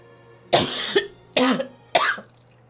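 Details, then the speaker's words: Young woman with a hard, repeated cough she says she has been holding back, saying it hurts and she coughed at work until tasting blood: three forceful, harsh coughs with brief pauses, each ending in a voiced catch. "아 기침을 엄청 많이 참고 있어요 내가 지금 이렇게 해가지고 여기가 아파"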